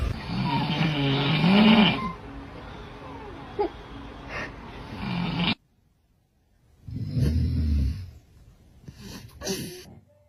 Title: Baby is trying hard to sleep when papa snoring sound is loud 🙄 😒 😑